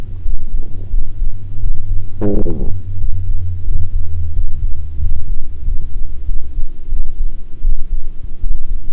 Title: Heartbeat w/ Unintentional Stomach Growling